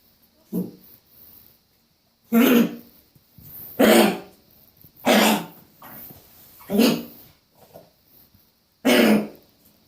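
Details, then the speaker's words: Dog coughing: about five loud, harsh, hacking coughs in separate bursts with quieter wheezy breaths between; she is foaming and trying to spit something out, owner suspects something stuck. "So she's foaming and trying to spit something out or something, like something stuck."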